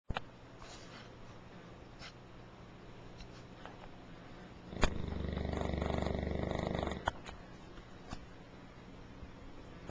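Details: A large English Mastiff dog snoring: one loud, low, fluttering rumble lasting about two seconds rises out of quiet room noise, with faint breathing around it; recorded on a Flip Video camcorder.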